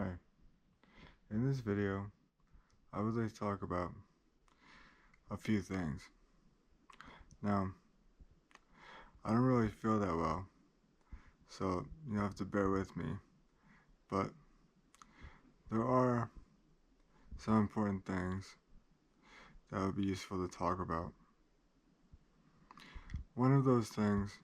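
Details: Adult man with cerebral palsy who describes great limitations; dysarthric speech (cerebral palsy).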